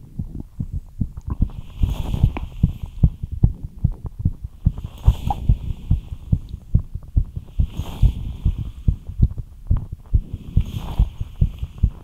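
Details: Fast heartbeat after light exercise: rapid low thumping at roughly 140 beats a minute with rhythmic breathing rushes.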